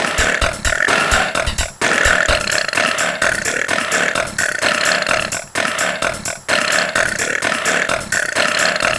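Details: Repeated loud burps from a woman, some taken from her short clips, set rhythmically over a pounding electronic techno beat as a novelty track; ordinary burping.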